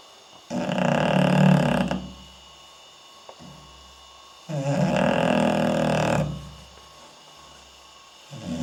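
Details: Sleeping English Bulldog snoring, filmed at night: loud, harsh, rattling snores over a second each, separated by quiet pauses.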